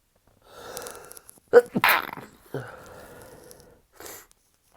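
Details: Second part of a stifled sneezing fit after a shower, while recovering in bed: drawn-in breath, sharp stifled sneeze with muffled follow-through, wheezy in-breath, final brief burst.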